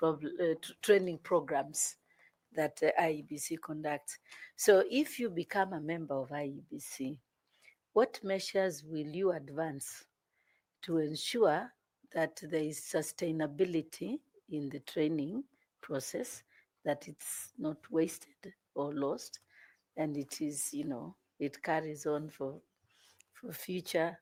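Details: Adult woman; typical speech.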